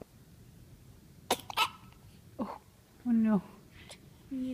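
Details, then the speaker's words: Self-induced hiccups in an infant: a few abrupt, sharp catches of breath with small voiced squeaks in a quiet room, caregiver speaking softly. "gave yourself a hiccup. Okay, you want to eat? Okay."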